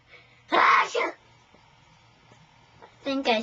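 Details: A child's single forceful sneeze, an explosive two-part burst, followed by a pause and brief speech in a small room; an ordinary sneeze.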